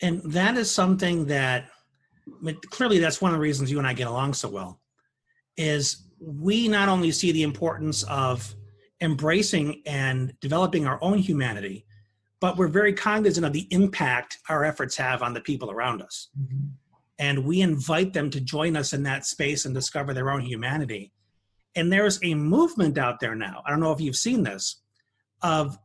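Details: Adult male speaker; typical speech.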